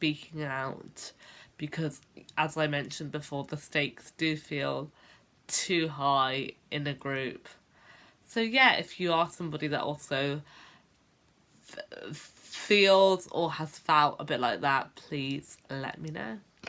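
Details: Adult woman who has stammered since about age 10, a late onset; stuttering (stammering).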